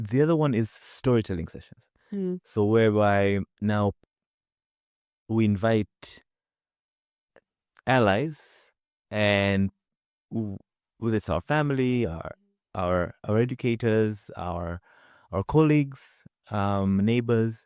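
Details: Adult man from Zanzibar who stutters; stuttering.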